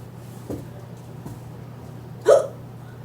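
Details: Hula hooper with hiccups while hooping: brief soft clicks, then a sharper short voiced catch over steady low background hum; hiccups.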